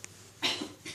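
One short, dry voluntary cough from an adult, given on request during an abdominal examination.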